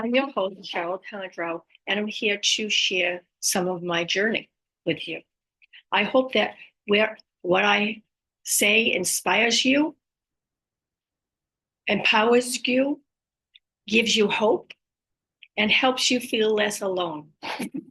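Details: Woman with aphasia and apraxia of speech after a stroke at age 58; she reports speech sometimes hard to understand, repeating words over and over to get them out and sometimes saying wrong words; aphasia with apraxia of speech.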